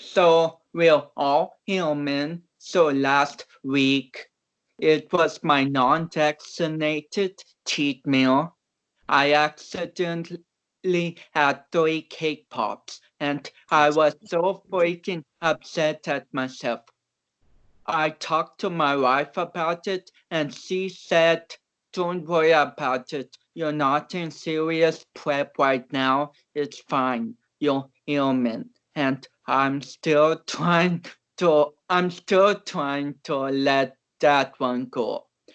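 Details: Dysarthria in a man of about 29 with cerebral palsy, an athlete who was not expected to walk or talk.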